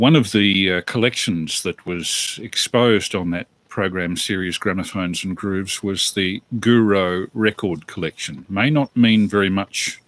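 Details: Adult male speaker; normal speech.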